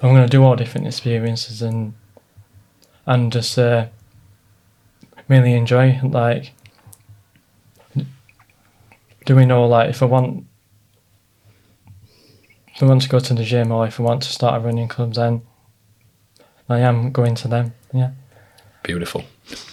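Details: Stuttering (stammer) in an adult man, present since childhood, previously treated with speech therapy; stress and nerves make it worse.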